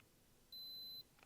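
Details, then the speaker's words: Single steady high-pitched half-second beep from a tympanic (ear) thermometer signalling a completed reading of 98°F, no fever, on an adult woman born 1993 during an ASMR head-to-toe assessment. "so this is going inside the ear let me turn it on and just relax it's 98 in Fahrenheit"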